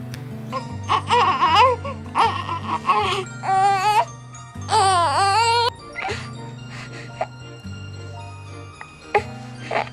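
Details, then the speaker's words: Newborn gas cry (burp cry): short, wavering cry bursts over background music; gas in the stomach triggers a chest reflex to expel trapped air, signalling the baby needs to burp. "é um gás na região do estômago é o bb acaba fazendo um reflexo na caixa torácica quer para tentar expulsar esse gado"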